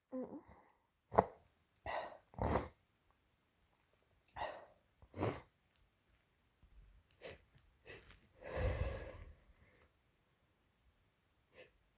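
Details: Person with a cold and a sore throat from repeated sneezing: several soft to moderate sneezes in quick succession with quiet breaths between, in a small quiet room; sneezing with a cold.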